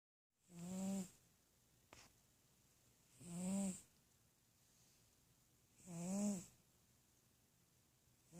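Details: Gentle snoring: three soft, regular, buzzy breath sounds about 2.5 seconds apart, roughly 22 a minute, in a quiet room.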